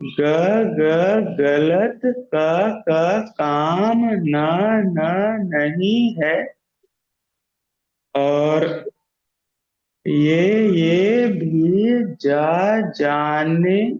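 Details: Man who stammers, in a stammering self-help group, deliberately practising voluntary stammering; sound repetitions are audible; stuttering (voluntary stammering).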